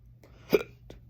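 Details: Persistent hiccups on day 4, lasting since Wednesday night, with an ER visit; throat raw. Since 24 hours in they come as a double hiccup. A single abrupt hiccup, a short sharp catch of breath with a faint follow-on, against low room hum.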